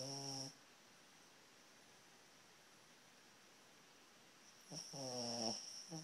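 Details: Snoring while sleeping with eyes open: two tonal, buzzing snores separated by a long quiet pause, with a steady hiss in the background.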